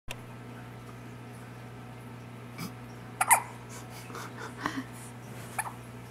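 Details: Hiccups in a 3-week-old infant girl, sounding like a squeaky toy: small, abrupt hiccup sounds, a few over several seconds, against a steady background hum.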